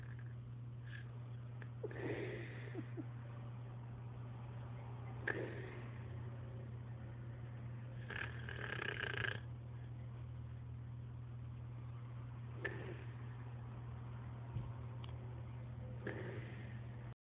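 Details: Intermittent rough, snorting breaths over a steady low hum of room noise; snoring during sleep.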